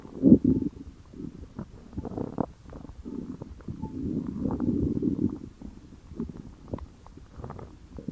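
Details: Stomach growling (borborygmi): low gurgling rumbles and bubbling squelches come and go irregularly, with one louder gurgle near the start.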